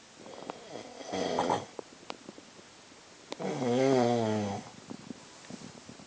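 Two snoring breaths in a quiet room: a rough, rattly inhalation followed by a longer, vibrating tonal snore.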